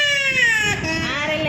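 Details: Baby girl crying during a health care procedure in a lab, adult offering chocolate; loud, high-pitched distressed wailing with falling pitch.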